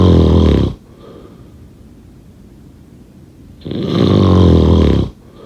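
Two loud, rough, rattling breaths in separated by a quiet pause: snoring.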